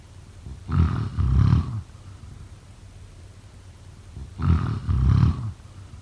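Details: Two loud, low, rumbling snores about four seconds apart, each a rattling sound that pulses twice, with quiet breathing between.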